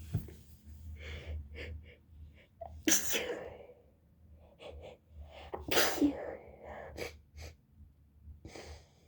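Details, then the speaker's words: A woman with a cold, who says she also has allergies, has a sneezing fit: two forceful sneezes, each after a short gasping intake, with sniffles and soft breathy sounds between them. "Oh, guys, I can't stop. I'm trying to hold in my sneezes, but it doesn't work, you guys."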